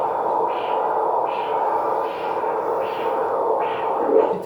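Rhythmic whooshing pulses over steady hiss, about five beats in four seconds; pulsatile arterial Doppler flow signal in the spermatic cord.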